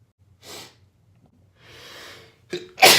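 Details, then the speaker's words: Person in a sneezing fest, about ten sneezes so far and tired from it: two soft breathy inhalations, then a sharp explosive sneeze. "Oh, det där var en i alla fall. Okej, som inte annat så har jag nysit 10 gånger just nu."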